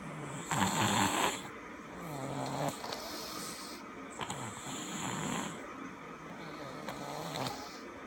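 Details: Loud rattling snores on each in-breath, about three in eight seconds, with softer out-breaths between; ordinary snoring recorded before surgery.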